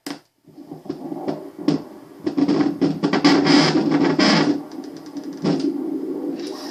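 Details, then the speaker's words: An Angelsounds home fetal Doppler held low on a pregnant woman's belly with gel picks up irregular, swishing, static-like whooshes that she takes to be amniotic fluid or placenta rather than the fetal heartbeat. "that woring noise the whoosh that is I guess the amniotic fluid or the um placenta that's you know it's just the whooing noise the heartbeat is a little different"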